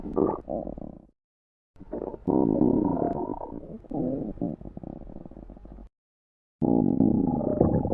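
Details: Sound-effect recording of stomach growling (borborygmi): low gurgling, rumbling bursts separated by brief silences.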